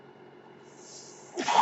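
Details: Podcaster's own ventilator during speech recording: steady low mechanical hum, then a sudden rushing puff of air at the end; mechanical ventilator noise.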